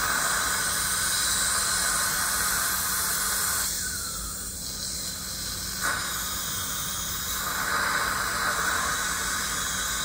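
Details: Dental cleaning of an adult woman in a dental chair; steady high hiss and whine of a dental scaler with water spray, with faint suction and clicks.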